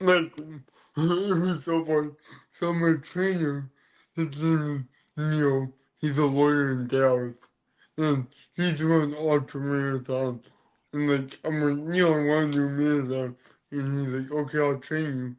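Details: Dysarthria in an adult man born with cerebral palsy, which affects his neck muscles, giving a deeper voice and making talking hard.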